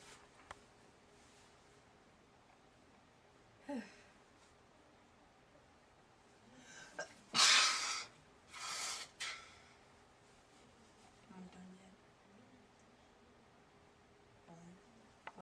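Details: Sneezing attack in bed, at least four sneezes, too many to count and using many tissues: a short run of about three sharp, explosive sneezes close together, with softer sniffs and breaths around them.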